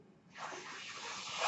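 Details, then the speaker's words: A soft, rising rush of airflow hiss: one breath from the speaker's own mechanical ventilator, heard while he talks on a podcast. "my name is brynan mutter that noise earrings my ventilator"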